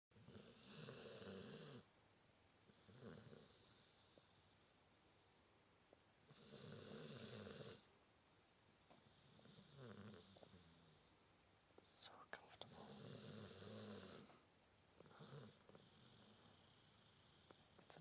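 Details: Female Border Collie/Dingo cross sleeping in owner's arms: slow, rumbling snores on each inhalation, about five in eighteen seconds with quiet pauses; dog snoring.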